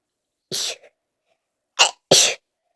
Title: Big sneeze fit....stifles to come